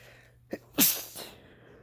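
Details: Man with a cold inducing a sneeze: a short catch of breath, then one sharp, hissing sneeze burst and a brief softer after-sound.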